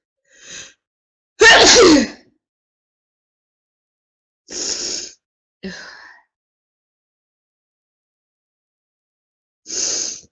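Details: Woman in a prolonged sneezing fit: five sneezes in about ten seconds, one loud and forceful, with quiet pauses between them.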